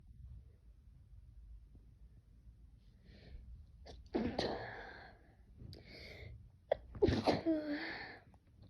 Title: Sneezing pt3